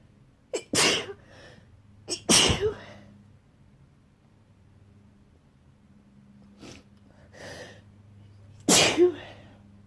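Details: Person sneezing in bed after waking with a tickle in the nose: three loud, wet sneezes with brief breaths between in a quiet room; wet sneezing fit.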